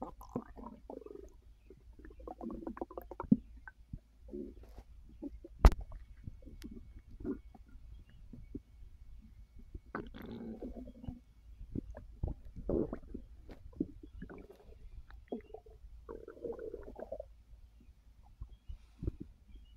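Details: Irregular low gurgles, rumbles and squelches in bursts from the belly of a person resting on a full stomach after overeating, following a gummy that increased appetite; ordinary digestive bowel sounds (borborygmi).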